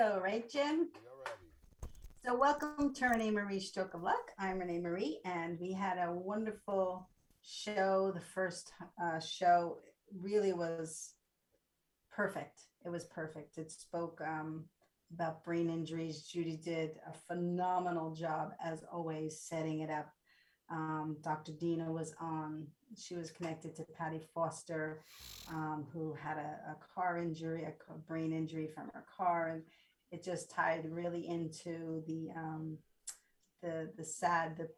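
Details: Adult woman speaking; normal speech.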